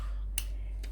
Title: Cracking my student's neck